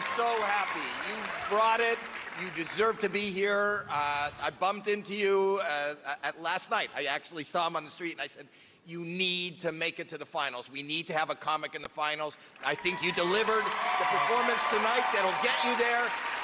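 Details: Adult speaker; normal speech.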